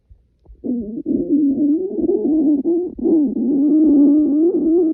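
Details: Loud stomach growling on waking, before class, while very hungry: a long, low gurgling rumble that rises and warbles for several seconds.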